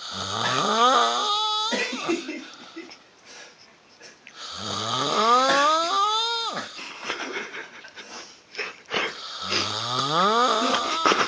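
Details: Loud snoring: snores about every four to five seconds, each a rising, squealing, whistle-like tone over a rough rattle, with quieter breathing between.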